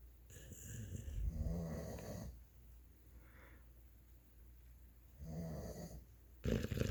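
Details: Sleeping Beabull dog in a snore-off with another: rough, rumbling snores with fluttering vibration on each breath and quiet pauses between; snoring.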